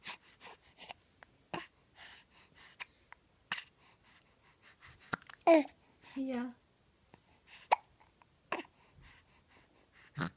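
Repeated short, sharp voiced catches at irregular intervals amid quiet breathing and soft vocal sounds; hiccups.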